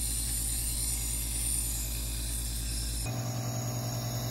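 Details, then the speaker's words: Portable nebulizer compressor (Maluk CN69) switched on for testing by a user with chronic lung issues: loud, steady mechanical hum and rattle, with pitch shifting as the nebulized-output dial is adjusted. "So I'll switch it on and you'll see it actually running, as you can see there."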